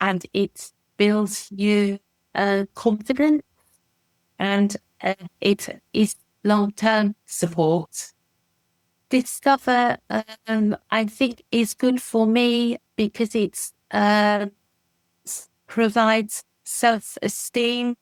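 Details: Expressive aphasia after a stroke in December 2018 in an adult woman who relearned speech in rehabilitation; she struggles to express ideas and complex sentences, but simple sentences are okay and comprehension is less affected.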